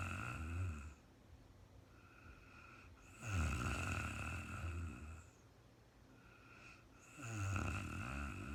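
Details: Real-time recording of an adult woman sleeping after being very tired: slow, soft rumbling snores with long quiet gaps, about three in eight seconds, over a faint room hum; snoring.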